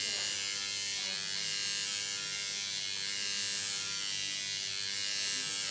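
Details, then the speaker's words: Microneedling pen with PRP on a client's face after compounded numbing cream, needles deeper than on forehead: steady high-pitched electric buzzing running continuously with faint talk and room sound. "so needling is excellent for fine lines wrinkles pores skin discolorations overall just firming and tightness of the skin"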